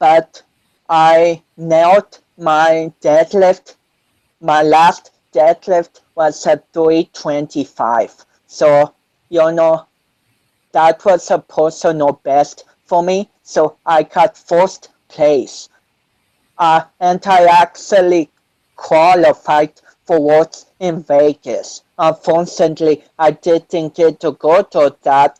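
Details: 25-year-old man with cerebral palsy since birth, which he says affects his balance, coordination and speech; doctors had told him he would never walk; real speech; dysarthria associated with cerebral palsy.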